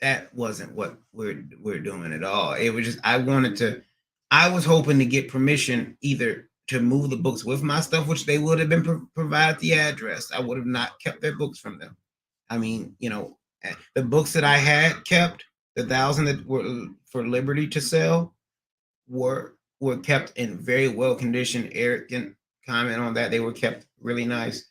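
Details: Male streamer who says he stutters and is in speech therapy, with speech rehab the same day; stuttering.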